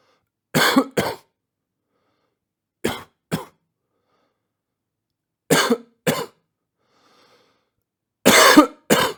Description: Sound effect of coughing.